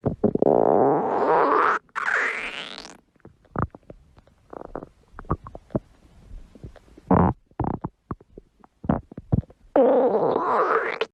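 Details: Stomach growling (borborygmi) at dawn: long gurgling rumbles and short bubbly squeaks, ordinary bowel sounds.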